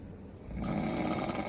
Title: Husband snoring